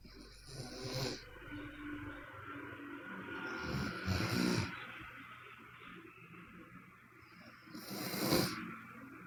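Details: Sleeping Chinese woman: rough, rattling snores recurring about every three to four seconds, with quieter noisy breathing between them and some room noise; snoring.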